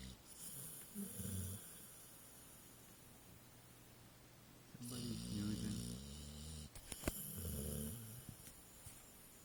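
Low, rumbling snores in a slow rhythm with quiet pauses between; ordinary snoring in a sleeping dog.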